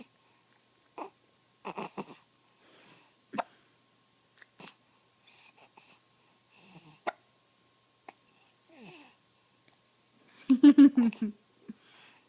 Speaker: Hey, Bugger, what are you doing? Where you going? See, I've got the hiccups.